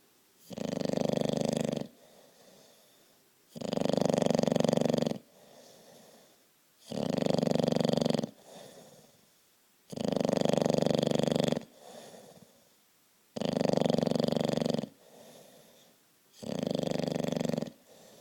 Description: Our bulldog Stanley snoring like a lord in the couch beside me!